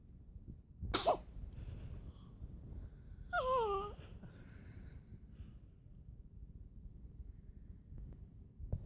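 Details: One-day-old newborn sneezing: a single small, sharp sneeze followed by a brief soft rising-falling coo.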